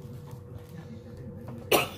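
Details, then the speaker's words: A single short, sharp cough near the end after quiet room noise, from a person who says they have been coughing every two seconds while recording; cough. "Parce qu'écouter quelqu'un en train de tousser toutes les deux secondes, je suppose à quel point c'est très très peu agréable."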